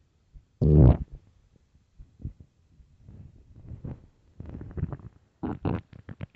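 A loud low gurgling burst, then bubbling and squeaky rumbles; stomach growling on an empty stomach, a normal gut sound.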